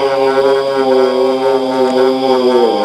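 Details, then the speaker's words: Example recording of catathrenia, a sleep-related breathing disorder long classed as a REM parasomnia, heard as long expiratory groans or moans that occur intermittently through the night. "Ce bruit expiratoire est appelé catétrinia."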